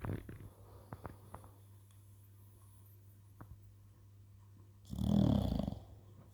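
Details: A sleeping American Bully pocket dog: faint snuffling breaths in a quiet room, then a louder, rough snore near the end.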